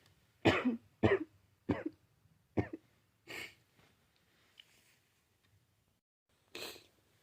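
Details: About six short, dry coughs, most close together and one after a pause, from a person with a cold who is sneezing constantly; plain cough.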